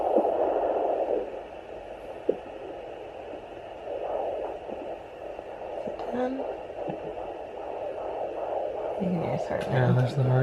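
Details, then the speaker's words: Fetal Doppler at 29 weeks 3 days of pregnancy, male fetus: rapid whooshing pulses through static at roughly 150 per minute, with hiccups getting smaller: normal fetal heartbeat. "there's the heartbeat. His hiccups are getting smaller."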